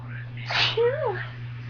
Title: she can’t seem to stop sneezing